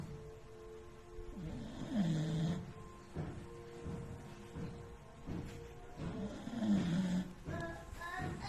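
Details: Two low, rumbling snores about five seconds apart from a sleeping 10-month-old beagle puppy, heard over steady background music; ordinary snoring.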